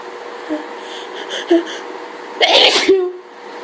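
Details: Single loud sneeze with brief intake of breath before it, over quiet room noise, during a full allergy fit from hay fever; sneezing.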